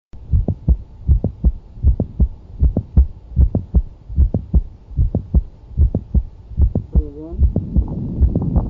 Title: Mid systolic click during valsalva- heart sound auscultation